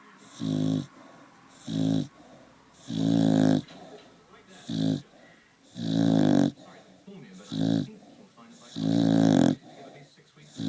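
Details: Sleeping Staffordshire bull terrier: loud, rough, rumbling snores about 22 a minute, some longer and some shorter; ordinary snoring.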